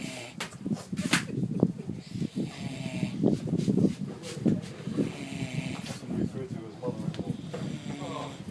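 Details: Snoring of Wilbur, an 850 boar, sound asleep on a beach in St Kitts: continuous rough grunting and snorting breath sounds with some background noise.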